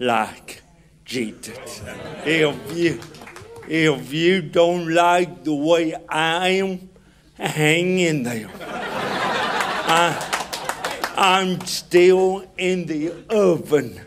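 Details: Adult man with cerebral palsy, described as hard to understand in places; dysarthria (cerebral palsy).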